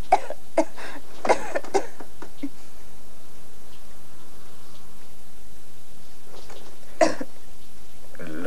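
An actress gives a run of short, harsh coughs, then a single cough after a pause.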